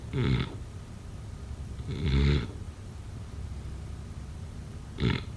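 Two brief snorting snores, a longer one then a short one, over room hiss, consistent with snoring in sleep.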